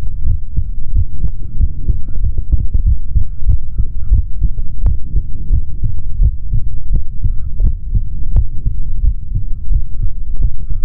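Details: Male body sounds recorded through a stethoscope for ASMR, no talking: steady, muffled low heartbeat thumps heard close up, with rubbing and handling noise; normal heart sounds.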